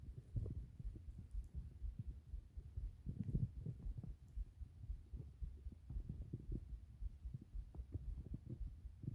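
Continuous low gurgling and rumbling with irregular bubbling pulses, typical stomach growling.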